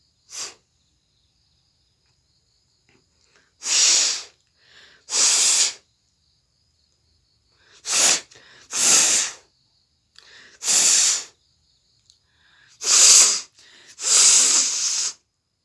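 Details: About eight sharp, hissing bursts, some in pairs and separated by silence: sneezes and nose blows performed for a nose-blowing and sneezing challenge.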